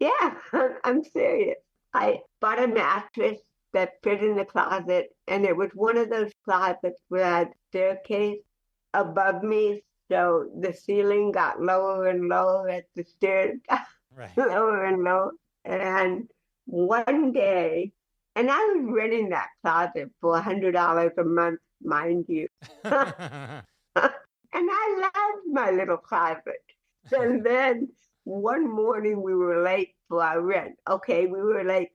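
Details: Adult woman with cerebral palsy since childhood who is also hearing impaired, speaking in an interview; dysarthria in cerebral palsy.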